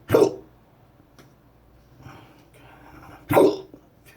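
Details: Patient with persistent intractable hiccups since December 2015, with breathing and choking spasms and erratic stomach sphincter control, cause undetermined, hiccups about every 3 seconds; two abrupt, sharp hiccups about three seconds apart.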